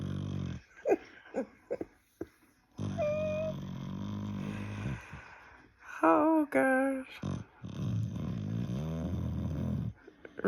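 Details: American Bully puppy sleeping and snoring very loudly: long, rough, rattling snores with brief whistling tones on some breaths.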